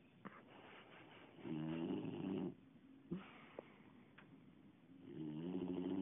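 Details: Boxer dog snoring while asleep: repeated rattling snores on the in-breath with short snorts and clicks between, about 15 breaths a minute.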